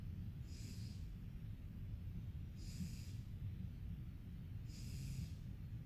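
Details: A sleeper makes soft, regular snorting breaths about every two seconds over a low, steady rumble: snoring during sleep.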